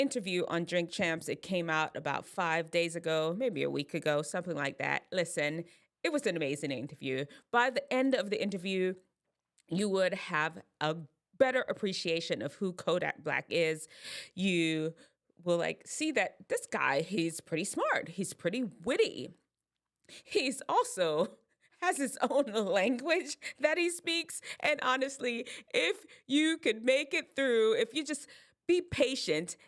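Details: Adult woman speaking; normal speech.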